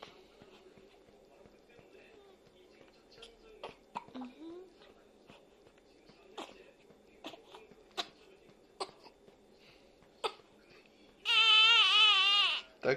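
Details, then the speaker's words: A 10-day-old newborn baby's hiccups: repeated brief, sharp catches at irregular intervals, ending in a short loud cry. "신선한 딸꾹질. 응. 뱃속에서도 딸꾹질 했었지."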